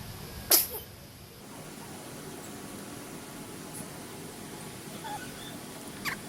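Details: One sharp, hissing sneeze burst, then quiet room noise with a few faint clicks; a single sneeze, recorded alongside yawning.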